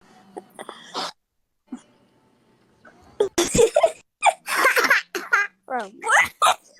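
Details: Infant with whooping cough (pertussis): a run of quick coughing bursts mixed with high, strained, whoop-like gasps.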